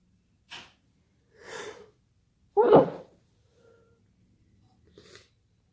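Several short inhaled gasps build to one loud sneeze, followed by quiet breaths and a small sniff.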